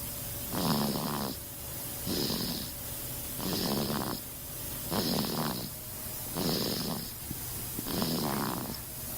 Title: Baby Snoring